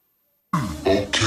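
A brief, rough throat-clearing burst in two or three pulses; throat clearing.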